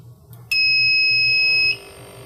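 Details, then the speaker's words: Loud steady electronic tone lasting about one second as an AirSep Focus portable oxygen concentrator is switched on, with its power supply light green; a normal alarm while the red and green lights blink. Oxygen concentrator start-up alarm. "once the unit's turned on you'll hear an alarm which is normal functionality"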